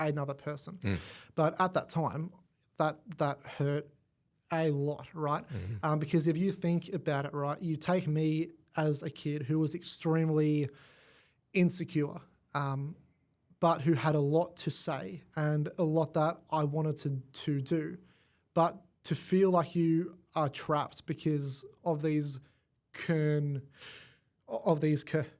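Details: Adult man born with cerebral palsy affecting his whole left side; stutter attributed to it, began around age five, went away about a year at six, returned worse; long-term McGuire Programme member and coach; stuttering.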